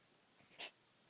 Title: Sneezing Parrot